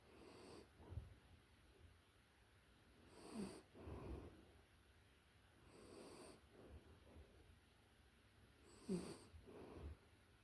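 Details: Close-up recording of a puppy in deep sleep: soft, snuffly breaths with faint snoring rattles, quiet and somewhat uneven; dog snoring.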